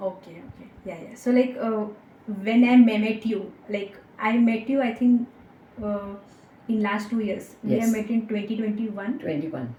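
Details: Young woman with stammering that began in third or fourth standard and worsened with age, treated with speech therapy and breathing techniques, a stammering self-help group member, stammering now much reduced; finding: stuttering (stammering).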